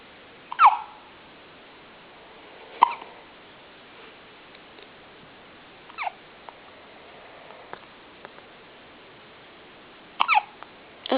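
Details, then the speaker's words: Baby boy with hiccups: about six sharp, brief catches at irregular intervals in a quiet room while a parent comforts him; infant hiccups. "Are you okay, baby? Oh. Are you okay? Poor thing. Poor thing, your hiccups."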